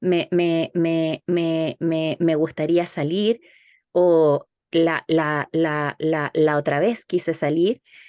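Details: Stuttering demonstrated by a speech-language therapist: whole-word repetitions of short one-syllable words such as articles or pronouns; stuttering (whole-word repetitions, simulated).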